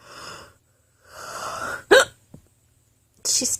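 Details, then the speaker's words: A woman with hiccups she links to stress, hiccuping while talking: two soft breathy sounds, then a sharp, abrupt gulp-like burst with a small catch after it; a hiccup. "okay this better stop these better stop soon cuz I have so much to do"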